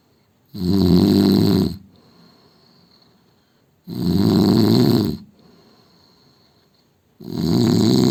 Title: Indian man snoring sound